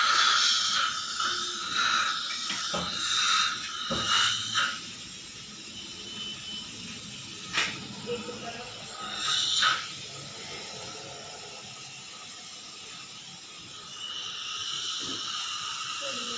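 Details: Ultrasonic dental scaler cleaning tooth surfaces during routine scaling of an adult dental surgeon: high-pitched steady whine with hissing water spray and suction noise.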